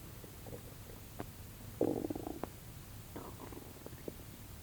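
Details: Stomach sounds recorded with focus on the belly: soft gurgling and bubbling bursts over steady background hiss; borborygmi.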